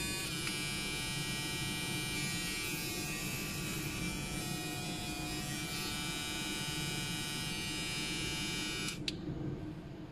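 Steady high-pitched electric buzz for about nine seconds, then it stops: a vibrating electric tartar scaler running.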